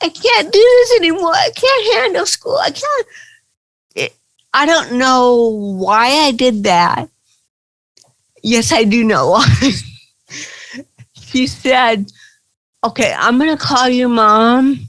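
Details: Adult woman with cerebral palsy, real (not acted), recounting her own life in an interview; dysarthria (cerebral palsy).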